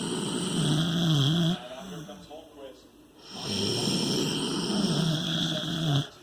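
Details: Snoring contest between a dog and a teenager: long, loud, groaning snores with a wavering tone, broken by a brief quiet pause; loud snoring.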